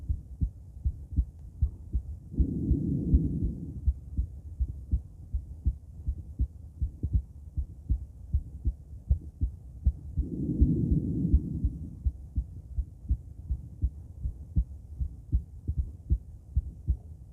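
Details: Female heart auscultated with different stethoscopes, moving through Erb's point, mitral, tricuspid, aortic and pulmonic sites; steady regular lub-dub about 80 per minute with two soft breath sounds; normal heart sounds.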